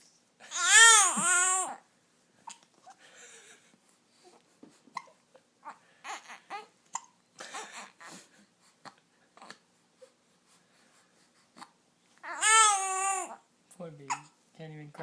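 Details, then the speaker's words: Infant gives two loud cries with soft babbling and brief catching sounds as hiccups interrupt crying; parent suspects hiccups mean gas; hiccups. "slow down slow down oh hiccups hiccups means gas hiccups means gas come on baby rip it up it out okay"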